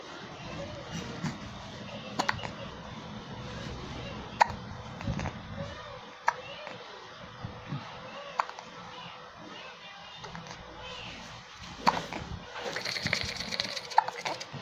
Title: Oh those hiccups!